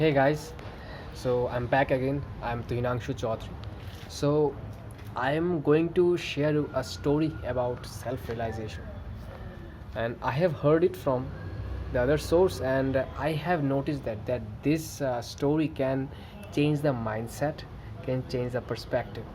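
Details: Adult male who stammers, reporting good days and days of bad stammering, narrating a story; stuttering.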